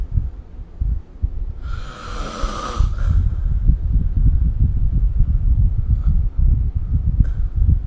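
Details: Low, rough rumbling vibration of sleep breathing with one hissing breath partway through, faint room noise behind; snoring recorded with a smartphone snoring app.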